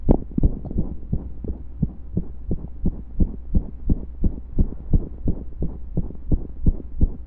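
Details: Heartbeat recorded during pressure and breath holds: loud, fast beats near 85 a minute, mostly regular, with an occasional pause from a skipped beat.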